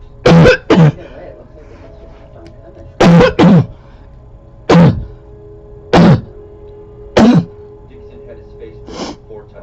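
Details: About eight harsh, loud, seal-like coughs in short bursts, some doubled, over ten seconds with faint music, recorded close up in 2014 from a person with a long-standing recurring barking cough; a barking cough.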